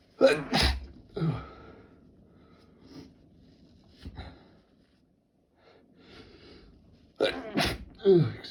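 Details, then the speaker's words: Two pairs of sharp sneezes with quiet sniffing and breathing between them, from a person who thinks they have a cold. "me. I think I've got a cold. Pardon me."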